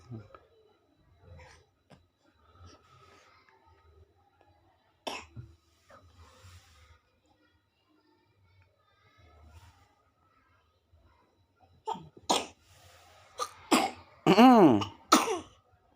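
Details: Soft fussing, then a cluster of short cough bursts and a brief cry toward the end, from an unwell 6-month-old baby girl: infant cough.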